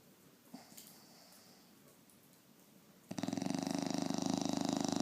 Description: My bulldog snoring very loudly